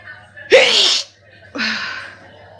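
Two forceful sneezes in quick succession against faint room noise; allergic sneezing from hay fever.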